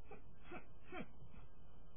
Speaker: Well, that was a tick that you saw just there, me making that little squeaky noise and wrinkling my nose.